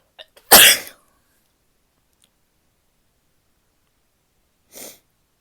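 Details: Female: a short catch of breath, then one loud explosive sneeze, followed by a softer sneeze or snort a few seconds later; sneezing.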